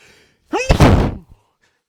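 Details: A quick rising in-breath, then one forceful, explosive sneeze into tissues, caught during a small sneezing fit.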